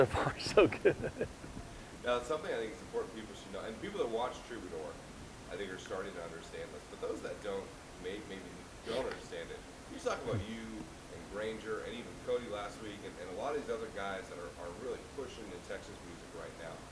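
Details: Adult male speaker; Normal voice.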